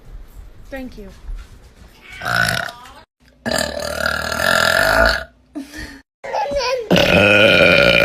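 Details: Girl burping compilation: several loud, drawn-out voiced burps in a row with brief talk and music in the background; repeated belching.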